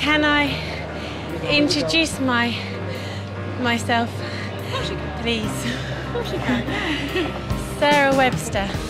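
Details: Young woman who stammers, a new student on a 4-day intensive McGuire Programme stammering course, speaking to a member of the public while using the technique she is learning; stuttering.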